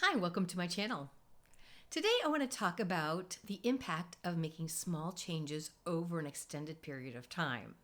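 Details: Adult woman speaking; normal adult female voice.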